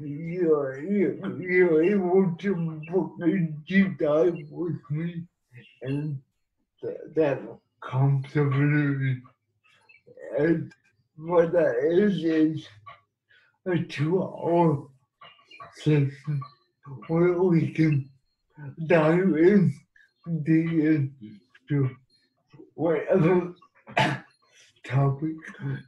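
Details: Adult man living with cerebral palsy; dysarthric speech in cerebral palsy.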